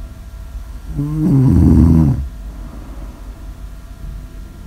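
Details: Snore audio ASMR recording: one loud, rough, vibrating snore lasting over a second, followed by quiet breathing and the start of another snore; snoring.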